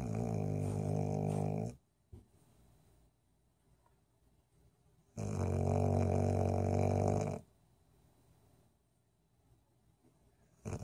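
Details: Golden retriever snoring: two long, loud, low rattling snores about three seconds apart with quiet breathing between.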